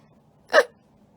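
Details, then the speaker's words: Livestreamer hiccuping and saying they feel weird; hiccups. "I mean, what's the vibe for today? Hiccuping and feeling weird."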